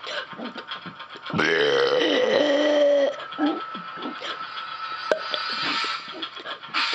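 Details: Person deliberately burping: a long, loud, drawn-out burp of nearly two seconds with shorter throaty sounds around it, in a small room.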